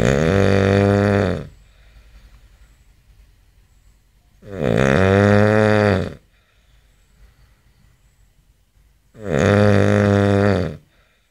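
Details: Three loud rough rumbling snores from an adult man every four to five seconds, roughly 13 a minute, with quiet breathing between: typical heavy snoring.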